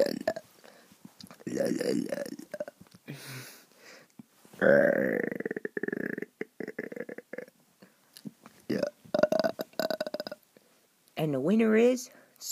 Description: Sonic and Tails is having a burping contest.